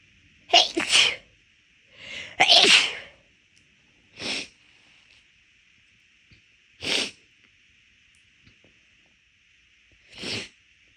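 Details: Induced sneezing while the nose was already bothering the person midway through a walk: a run of about six loud, explosive big sneezes, several close together, then spaced a few seconds apart.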